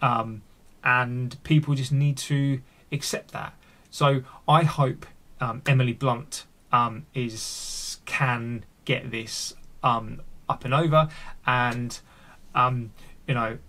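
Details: Adult male with stuttering (stammering), recorded unedited with his stammer left in; word and part-word repetitions; finding: stuttering.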